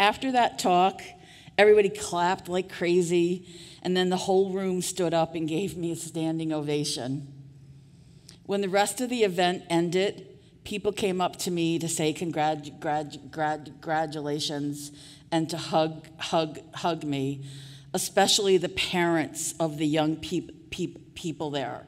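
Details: Adult woman with real stuttering speaking at a 2023 stuttering association conference keynote; part-word and word repetitions audible; stuttering.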